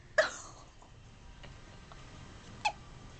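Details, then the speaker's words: Infant boy with hiccups while settling toward sleep: two brief, abrupt hiccups about two and a half seconds apart against quiet room noise; infant hiccups. "spotty did he just poop no I don't think so I think it was just another bad hiccup"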